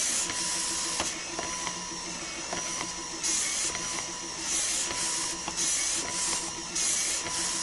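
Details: Breast pump operating, royalty-free sound-effect recording: rhythmic hissing suction cycles with faint clicks, about 50 a minute.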